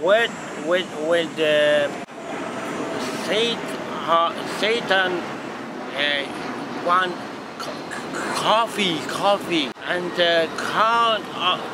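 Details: Adult man, 56, with transcortical motor aphasia after a left hemorrhagic stroke, on a first practice attempt at ordering coffee; transcortical motor aphasia.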